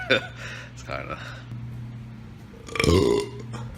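A loud, drawn-out low belch after brief speech, with a steady hum and faint music behind; ordinary burping.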